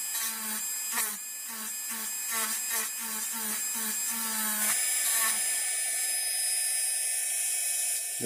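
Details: High-speed dental drill, steady whine in repeated short strokes, cutting mesial and distal surfaces of a mandibular first molar (#36) on a typodont model during full veneer crown preparation, bur passing from the buccal margin across.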